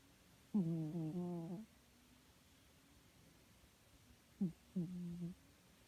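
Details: A sleeping cat snoring: two soft, low, tonal nasal sounds, each about a second long, over quiet room noise.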